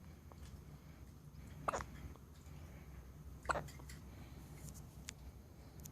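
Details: A one-day-old baby: two short, abrupt catching sounds about two seconds apart against quiet room noise; hiccups.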